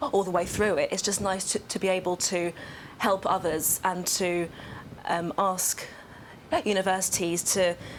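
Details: Adult woman who has stammered for nearly 25 years; stammering (stuttering).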